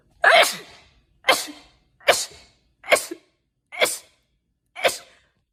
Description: Short compilation of rapid sneezes